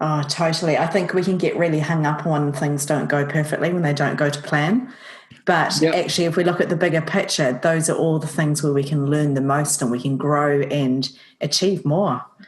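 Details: Adult speaker; normal speech.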